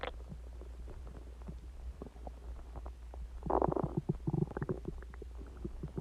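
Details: Stomach growling recorded about an hour after eating eggs and ice cream and drinking Coke: gurgling, bubbling abdominal rumbles with a loud burst midway, active bowel sounds (borborygmi).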